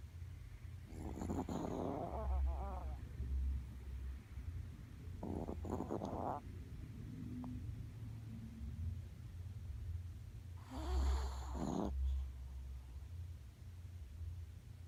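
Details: 5-year-old Yorkshire Terrier dog's "thunder snore": loud, deep rumbling snores during sleep, about three in fifteen seconds, over a low room hum.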